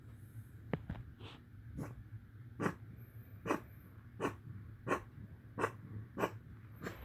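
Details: Dog coughing: quiet, repeated short huffing coughs, about eight bursts at fairly regular intervals in a small room; cough.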